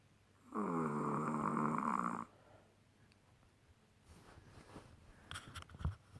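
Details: Sleeping chihuahua: one loud, drawn-out, vibrating snore of nearly two seconds, then quieter breathing and faint rustling: snoring.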